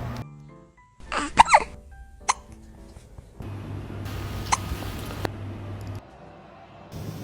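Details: Cat with hiccups: brief sharp hiccup-like clicks spaced a few seconds apart, over background music and room noise; hiccups.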